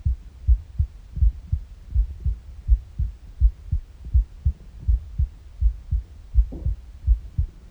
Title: Morning heartbeat with empty stomach noises